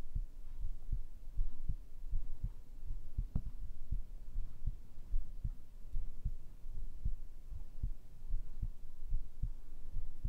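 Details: ASMR heartbeat recording, tagged as made with a binaural microphone: steady, regular low thuds in pairs at about 75 beats a minute with a soft hum behind them, a normal heartbeat.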